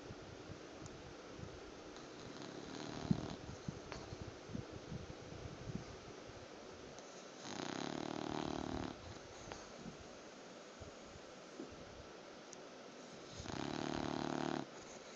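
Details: Sleeping bulldog: quiet breathing, then two loud rattling snores about six seconds apart, building in a crescendo, over faint room noise; snoring.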